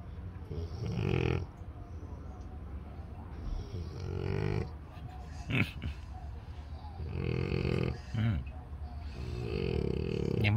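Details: French Bulldog snoring loudly while not yet fully asleep.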